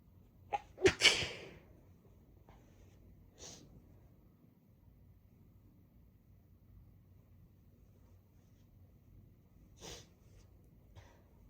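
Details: Sneezing of a congested person after a little chhinkni snuff in the blocked right nostril, then sniffing the bottle: one loud sneeze with a short lead-in breath, then quieter sniffs and small nasal bursts.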